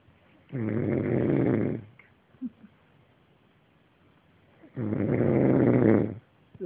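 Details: Two loud, buzzing, rattling snores about three seconds apart, with faint sounds in the pauses; a person snoring.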